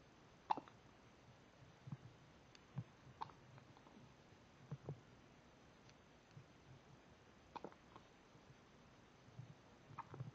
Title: Little Hiccups, 2 weeks